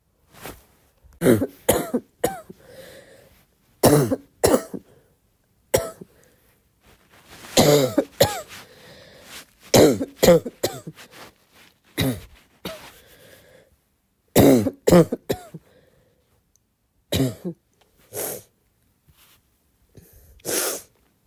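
Repeated harsh, barking coughs in short bursts with throat clearing, about a dozen over twenty seconds.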